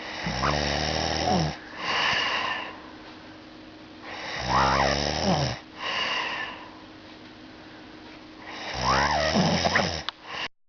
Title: Is that snoring i here?!?!?!